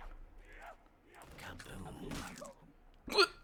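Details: Hiccuping while playing a video game: muffled talk and game noise, then one sudden sharp, high-pitched gulping catch of breath; hiccup.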